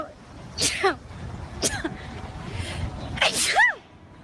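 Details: Girls sneezing rapidly: several quick, sharp sneezes, each with a brief high-pitched voiced ending.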